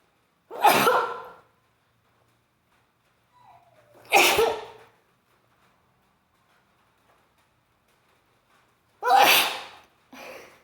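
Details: Tickle-induced sneezes: three forceful, wet-sounding sneezes, each with a short breathy wind-up, spaced a few seconds apart; sneezing.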